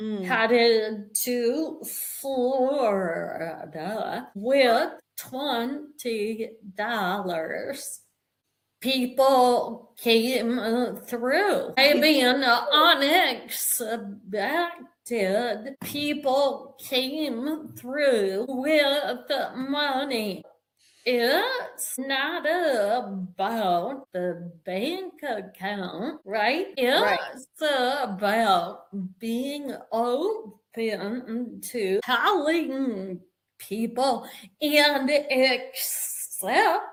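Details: Adult woman with vocal tremor, which she relates to over five decades of narcissistic abuse and trauma beginning at age five; speech may be hard to understand.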